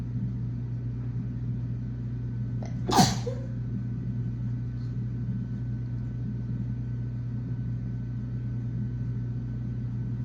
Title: Cooking and sneezing(f)